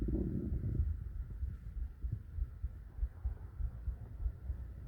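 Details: Soft, regular low thumps at about 97 a minute under rumbling stomach noise, recorded for relaxation and sleep; normal heart sounds with bowel sounds.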